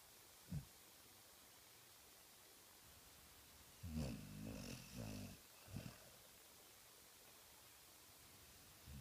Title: Lucy snoring